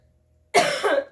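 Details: While a person talks about cotton candy, one sharp loud cough after quiet, followed by a second weaker burst; cough.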